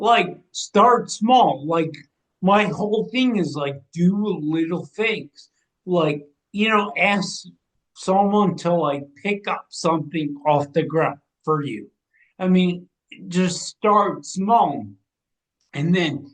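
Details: 45-year-old man with degenerative ataxia and cerebral atrophy, diagnosed in 2013 or 2014, affecting movement, balance and speech. His speech has been changing since about 2020 as the disease progresses. Ataxic dysarthria.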